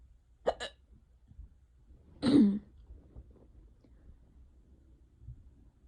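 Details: Ongoing, unusually bad hiccups: sharp, abrupt voiced catches, a quick pair then a louder single one, in a quiet room.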